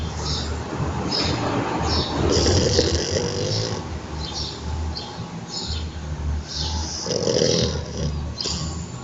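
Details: French Bulldog snoring and trembling with eyes open: loud, rough snoring with low rattling breaths, snorting and wheezy whistles.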